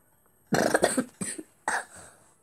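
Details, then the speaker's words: Cough from a sick child: a harsh, rasping, machine-like cough in three bursts, the first a rapid cluster. "i sound like freaking machine when i cough what the hell is that you see what i mean this cough is really too stupid and terrible"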